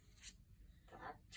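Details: Adult male patient given inhaler teaching in a simulated nursing class scenario: after a soft breath, a single sharp, explosive, acted voluntary forceful cough given on request to bring up sputum.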